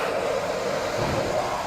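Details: ResMed AirSense 10 AutoSet auto-CPAP for sleep apnea, single-limb circuit with optional external oxygen inlet, running: steady whooshing airflow hum from the machine.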